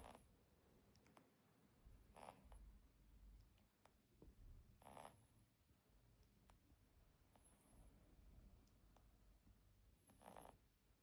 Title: Bunny snores